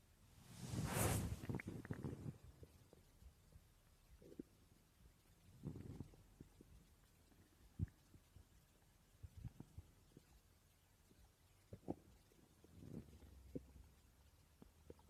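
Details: Person's stomach growling while asleep: low gurgling and rumbling bursts at irregular intervals in a quiet room; borborygmi.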